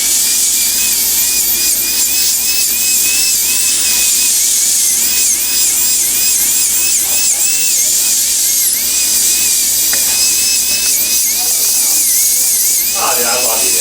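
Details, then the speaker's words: Steady high-pitched whine of a dental handpiece, pitch dipping under load, while trimming a temporary crown so all edges have the same width and thickness during a single-unit crown procedure. "all right so now we're just going to trim the temp right here we're going to make sure that all the edges are the same width same thickness make sure it's nice and clean"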